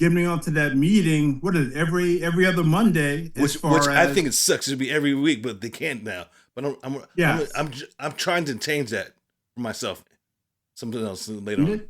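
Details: Adult man with aphasia who attends speech therapy every Monday; aphasia.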